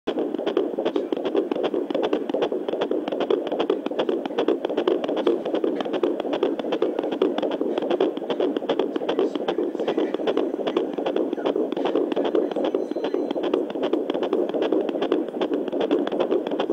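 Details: Fast, steady whooshing fetal heartbeat at about 150 a minute heard on Doppler at 15 weeks 3 days of pregnancy: normal fetal heartbeat.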